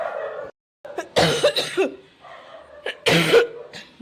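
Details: Cough from a person in a home vlog; a single cough amid speech; cough.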